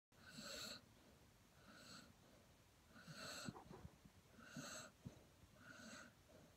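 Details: Rhythmic raspy, wheezy breaths with snorting, about 45 a minute, in an unwell dog; owner suspects the dog has COVID-19, as the owner suspects having it too.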